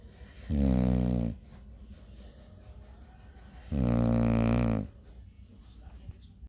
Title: Dog Snores Like Human